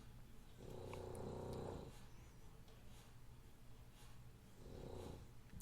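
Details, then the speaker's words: Pet cat asleep on a couch, snoring during a podcast recording: two low, rattling, buzzy breaths about four seconds apart; owner thinks he needs nasal strips; snoring. "he literally waits until i'm on the podcast to come up here and snore you can hear him look listen"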